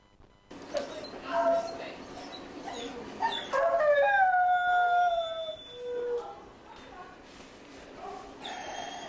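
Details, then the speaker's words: Dog waking after surgery gives prolonged rising and falling howls; emergence delirium or dysphoria on recovery from anesthesia must be told apart from pain. "call emergence delirium they're waking up suddenly after surgery and that can be a very difficult thing to figure out whether they're painful or delirious or emerging from anesthesia"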